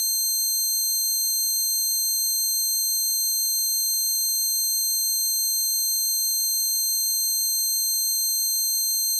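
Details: Simulated tinnitus, a recreation of the person's own tinnitus caused by standing near a concert amplifier: steady, layered, high-pitched ringing tones with a faint wavering.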